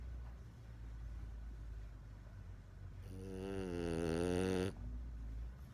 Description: Jorge, the French Bulldog puppy snores so loud! He lays down and seconds later starts snoring.